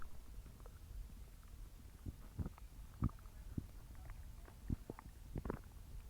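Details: Evening stomach growling (borborygmi): low gurgling rumbles and bubbling squeaks in irregular bursts over a quiet background.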